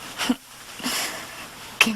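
Acted coughing fit: two short harsh cough bursts with a long, noisy, wheezy breath in between.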